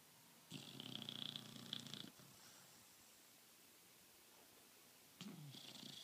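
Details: Bullmastiff dog snoring while asleep and dreaming: noisy, fluttering snores with a quiet pause between two bursts.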